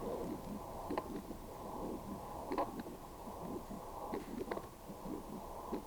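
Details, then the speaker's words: Doppler ultrasound of an equid in its mid-20s, more leakage at aortic than pulmonic valve, murmur barely heard by stethoscope: whooshing pulsed surges around 37 a minute, slightly irregular; regurgitant valve murmur. "now you can hear the murmur I couldn't hear that that well with my stethoscope"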